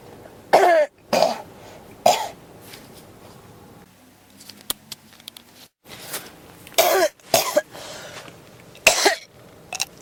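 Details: Repeated harsh coughs, about six over ten seconds, with quiet pauses between bursts; a persistent cough that won't stop, tagged pneumonia.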